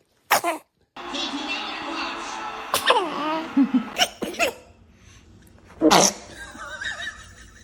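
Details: Newborn baby sneezing repeatedly: several sharp, brief bursts with a short cry between them, with people saying "bless you" around them. Repeated newborn sneezes.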